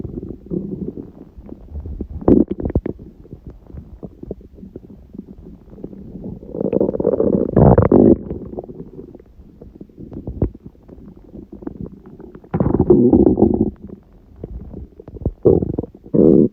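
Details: Irregular gurgling rumbles and low growls with louder bubbling bursts, recorded at 1:30 am on waking, six hours after a large udon meal at 19:30; owner suspects stomach surprised by gluten; borborygmi.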